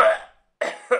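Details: Adult man's acted cough sound effect: three short, harsh cough bursts, the first trailing off before a brief pause, then two quicker coughs; simulated voluntary cough.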